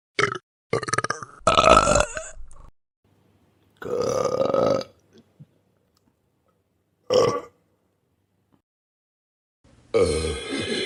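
Several loud, drawn-out and short croaking burps separated by silences, taken from a sound-effect compilation.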